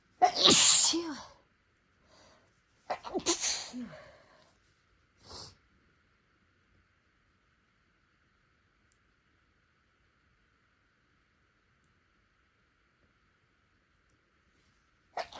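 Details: Big tickly sneezing fit, deliberately induced in a person without allergies whose nose seemed sensitive after spicy food: three quick sneezes with sharp hissing bursts and a final short one.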